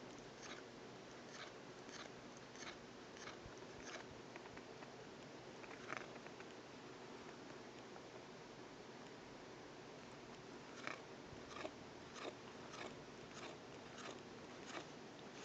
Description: My cat's brother grinds his teeth at night.